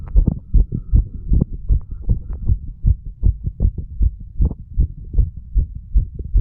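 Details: Heartbeat of a 35-year-old under the influence of medical marijuana and tobacco: steady, regular low thumping beats with a clear, even rhythm and no obvious extra sounds.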